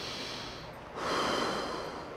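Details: 19-year-old Belgian draft horse with a very weak rear end, during a chiropractic adjustment and massage: a loud, forceful snort through the nose, a rushing breath following a quieter breath, as he releases tension.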